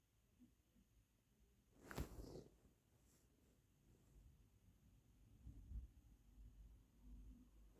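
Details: Single muffled, held-back sneeze burst followed by quiet breathing in a still room; stifled sneeze.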